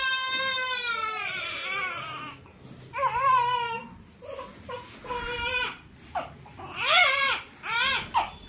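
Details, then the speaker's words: Repeated strained crying bursts with brief gasping pauses from a one-and-a-half-month-old twin baby girl while being dressed; infant cry. "यह लड़की बहुत रोटी है और आपके लिए कैप लेके आती हूं"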